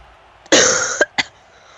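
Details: Cough from a man who is sick: one harsh, prolonged cough burst followed by two short coughs.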